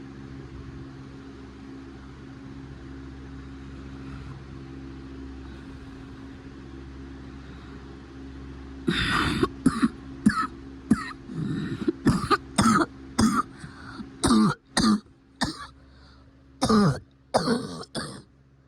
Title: Cough is getting better